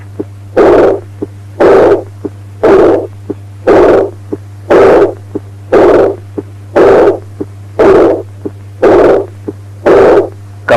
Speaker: Aortic regurgitation, a high-pitched, blowing decrescendo type diastolic murmur at the third left intercostal